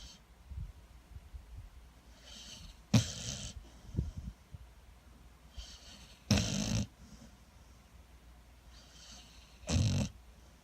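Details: Sleeping American Staffordshire Terrier snoring: three loud snoring breaths at a slow, steady pace of about 18 a minute, softer breathing noise between them.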